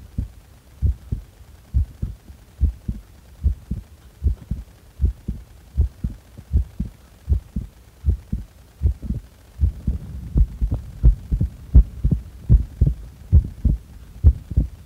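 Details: Steady, regular low paired heart thumps at roughly 80 beats a minute with no breathing noise, recorded during a breath-hold after inhaling or exhaling.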